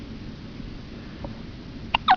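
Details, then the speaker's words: Two quick, abrupt hiccups close together, each a sudden catch of breath with a short voiced squeak, over steady background hiss; someone with hiccups while sitting out in the sun. "You have the hiccups, do you? That's alright, mate. Hiccup!"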